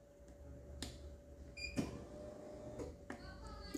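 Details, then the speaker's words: Steady low motor whine with a few clicks as a dental chair backrest is moved by its control buttons, demonstrated in a dental clinic. "ठीक है अब इसको back seat को पीछे करते हैं back side को आगे करते"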